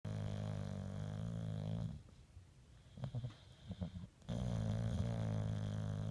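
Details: Dog snoring: low, rumbling, long droning breaths with a brief quieter gap between them.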